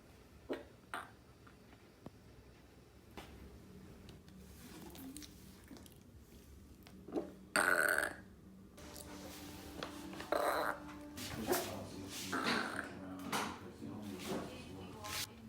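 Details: Repeated burping after every meal: several loud, throaty belches spaced through a burp compilation, with faint room noise between them.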